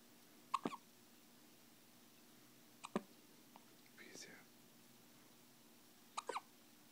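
Three short, sudden hic sounds about every three seconds against faint room hum, typical hiccups.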